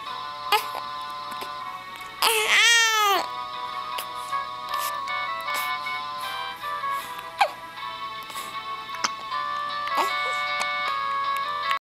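A single brief, high, wailing infant cry rises over steady background music, then the music continues alone.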